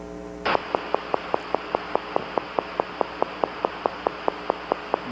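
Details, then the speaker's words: Needle EMG teaching example: steady, regular clicks about two to three a second over hiss, slowing slightly toward the end: fibrillation potentials. "is this potential what fibrillation potential so fibrillation is fire in a regular pattern like that it they typically slow down"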